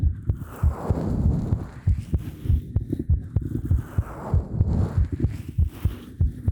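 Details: Heartbeat recorded on a binaural 3Dio Pro microphone: steady, deep, muffled heart thumps with a low rumbling hum behind them.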